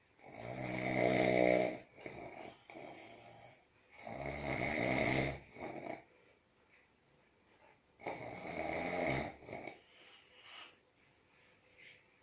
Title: Snoring Man